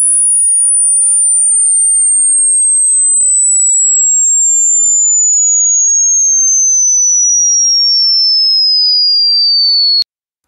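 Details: A pure whistle-like tone gliding steadily from very high to lower pitch over ten seconds, an interactive headphone hearing test of high-frequency hearing, which declines with age.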